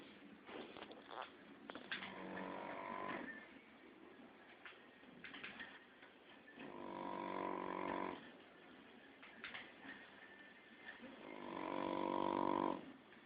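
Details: Shar pei puppy, 15 weeks old, sleeping, with loud rattling snores about every four to five seconds, roughly 13 a minute, and quieter breathing noise between them: snoring.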